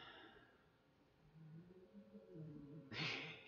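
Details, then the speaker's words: A sleeping dog snores with a low, fluttering rumble on the in-breath, then a loud, puffing snort-like breath out, over quiet room noise: snoring. "can you hear the dog snoring? Izzy, you're snoring."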